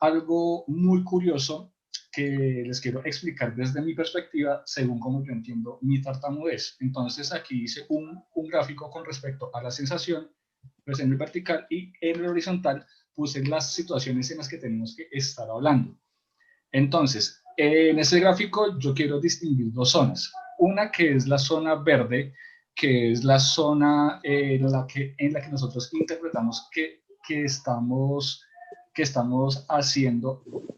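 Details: Adult male in a stuttering support group who says his stuttering cannot be cured but can be lived with; stuttering.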